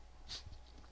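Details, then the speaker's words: Pet dog sneezing on command, trained with food, hoping for a snack: small, quick, faint, breathy sneezes in a quiet room; owner says he sneezed twice. "don't know if you could hear that or not he just sneezed twice little small sneezes sort of cute until he does about five times on you"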